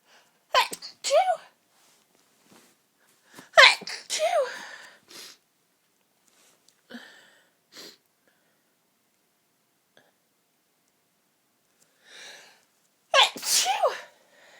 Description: another sneeze fit for you all to enjoy!